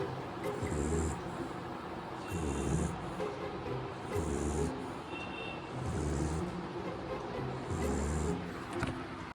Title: Laxie snores 😴#viral #yt #dogshorts #shorts#sleepsounds